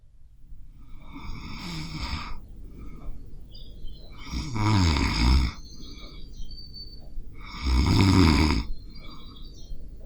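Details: Person's own snoring, recorded while sleeping with a Zoom H5 handheld recorder as a stereo WAV file.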